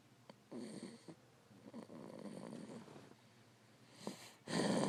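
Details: Soft, rhythmic rattling breaths with a few snorts during sleep; light snoring.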